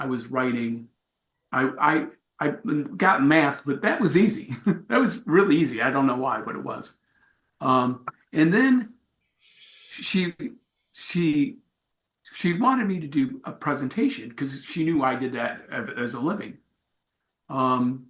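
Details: Adult male with aphasia acquired from a traumatic brain injury in a bike accident without a helmet, followed by about a month in coma; about four and a half years post injury; real speech at an aphasia support group.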